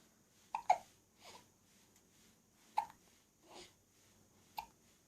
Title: 2014.11.15 Burping + Hiccups